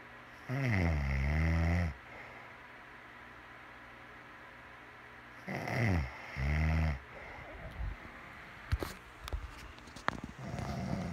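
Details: Deep, rumbling snores with long pauses between breaths and small rustling noises toward the end; slow, loud snoring in sleep.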